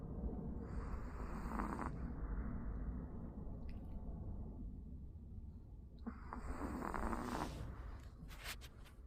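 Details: Sleeping Pomeranian dog snoring: a soft, low rumbling snore with faint snorty breaths under steady background noise.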